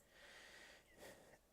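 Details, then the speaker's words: Livestreamer who says he uses an inhaler, wheezing while talking: a faint, high whistling tone riding on a noisy breath. "you guys hear me wheezing i know i'm wheezing"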